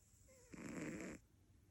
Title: My Cat Snores! #catlife #cat